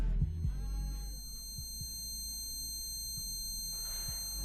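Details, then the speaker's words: Simulated tinnitus illustrating hearing damage from listening to music at full volume: steady high-pitched ringing over muffled low music. "That ringing sound is called tinnitus."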